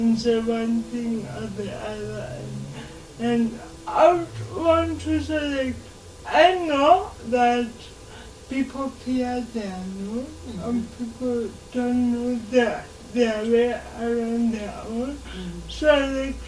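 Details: 26-year-old woman with lifelong cerebral palsy who began talking much later than other children; dysarthria in cerebral palsy.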